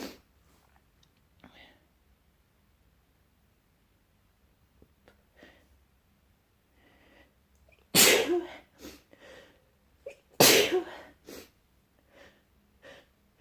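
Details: Morning sneezing bout from a person with a mild cold and a nose tickle: quiet sniffs, two loud explosive sneezes, then shorter sneezy bursts and sniffling.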